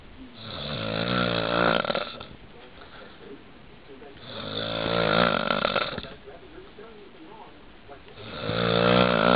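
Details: Snoring: loud, rough, rattling snores on each in-breath, about three breaths in nine seconds (roughly 20 a minute), with quieter out-breaths between them.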